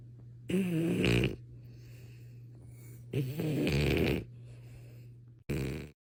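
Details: French bulldog asleep: snorting, rattling snores on each breath, about 21 a minute, with a steady hum in the room; snoring.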